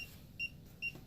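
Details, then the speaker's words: Two short, high electronic beeps from a Boston Scientific spinal cord stimulator charger, warning that it has lost connection with the implanted battery after being unhooked. "Back to beeping because it's not in connection."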